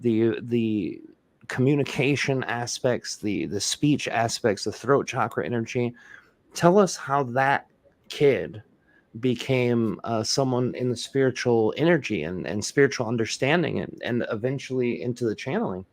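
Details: Adult male speaker; typical speech.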